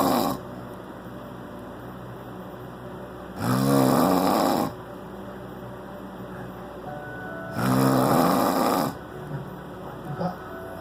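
Two loud rattling inward snores about four seconds apart, near 15 a minute, over a constant fan; ordinary snoring.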